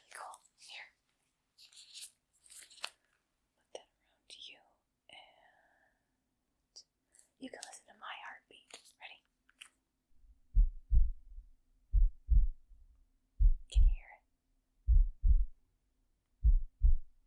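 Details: Simulated ASMR doctor roleplay: soft whispering, then paired low heart thumps through a stethoscope, steady at about 40 beats a minute, as the performer listens to their own heart. Normal heartbeat.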